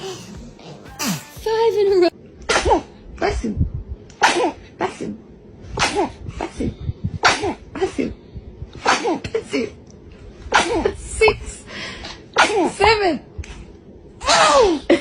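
Repeated small, sharp sneezes in quick series, with soft adult voices and light music behind: infant sneezing.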